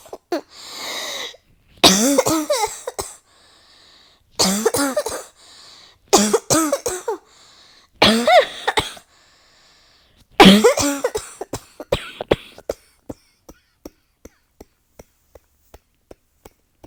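Repeated bursts of harsh, rapid coughs run together with brief gasping pauses, then trail into faint clicks; a prolonged coughing fit.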